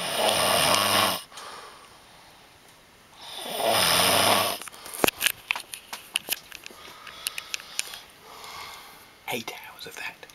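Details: Adult man who denies snoring: two loud, harsh rattling snores, then quieter clicks and a softer breath between; heavy snoring in sleep.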